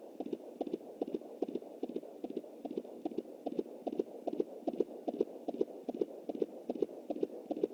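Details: Fetal heartbeat on a home Doppler at 20 weeks + 7 days, anterior placenta: fast, regular galloping whoosh-thumps over a steady hiss, distinct from the mother's pulse and placental sounds.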